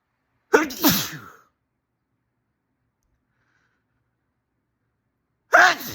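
A sharp, forceful sneeze with a quick intake before it, then the start of a second sneeze after a pause.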